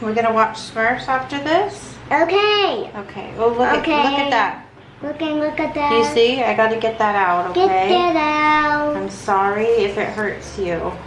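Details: Adult woman speaking to a child, possibly with a child's voice mixed in; typical adult speech.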